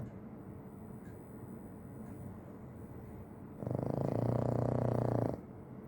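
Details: Charlie, a sleeping pug, snoring: steady noisy breathing, then one loud, fluttering, rattling snore lasting nearly two seconds.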